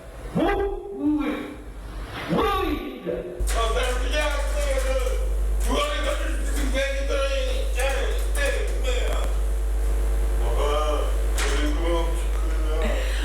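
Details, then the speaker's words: Sleep talking (somniloquy) recorded in a sleep study, sensors all over the body and filmed: muffled, slurred adult speech in bursts over a steady low hum, words hard to make out. "on rappelle les auditeurs que ce sont des gens qui dorment qui parle en dormant donc c'est pour ça que ça n'est pas très clair"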